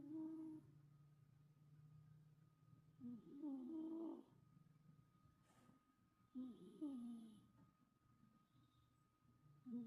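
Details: Cat snoring lightly in its sleep: soft, whistly, squeaky snores repeating every few seconds over a faint steady hum.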